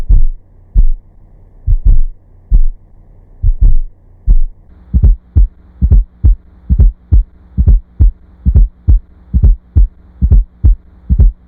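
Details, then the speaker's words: Simulated heart sounds with an extra soft late-diastolic sound just before S1, played in slow motion then real time: S4 atrial gallop, heard best at the apex with the stethoscope bell, from blood forced into non-compliant ventricles. "The S4 heart sound is heard best at the cardiac apex with the bell of the stethoscope. It is heard in late diastole and is often described as an atrial gallop rhythm."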